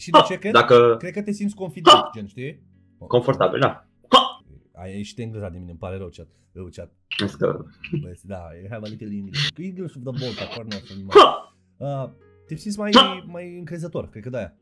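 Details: Adult male speaker; normal speech.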